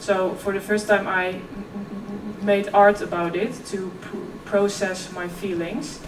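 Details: 26-year-old woman who has stuttered since early childhood: effortless as a child, covert stuttering at ages 11–15, now more struggled. She speaks at a keynote on stuttering and OCD. Stuttering.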